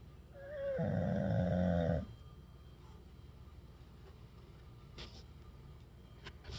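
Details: Person asleep: a single rumbling, rattling snore lasting about a second, then quiet room noise; snoring.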